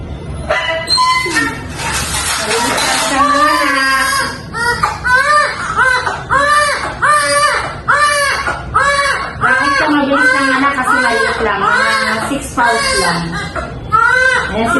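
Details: Newborn baby boy, about six pounds, just after normal vaginal delivery: loud, rhythmic, strong crying in repeated bursts, a vigorous normal cry.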